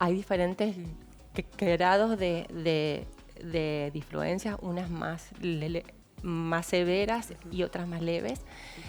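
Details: Adult woman with stuttering persisting into adulthood, speaking in Spanish; stuttering.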